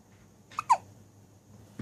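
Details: A single short, abrupt hiccup in a quiet room.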